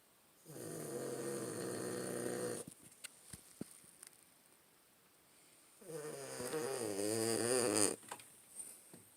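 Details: A pet Boston terrier dog snoring while asleep: two long, buzzing, slightly whistling snores, each about two seconds, with faint clicks between; canine snoring.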